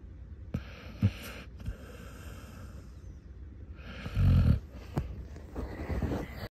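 Loud, rough snoring breaths with snorting bursts from a sleeping dog.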